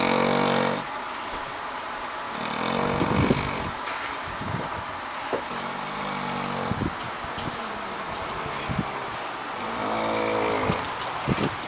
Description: A very disterbing snore for when you are trying to go to sleep